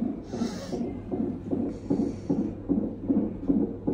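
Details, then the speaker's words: Fetal heartbeat on a Doppler monitor during hospital admission of a pregnant mother: rapid, regular whooshing pulses at about 150 beats a minute. "এইবার একটু চোখে আসার দেখাব এখানে এখন বেবির হার্টবিট পাপা হচ্ছে"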